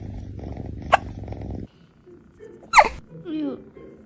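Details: Hiccups in a tiny cat, after eating its food too fast: two sudden, sharp hiccup clicks, the second followed by a short meow, over purring and faint room noise.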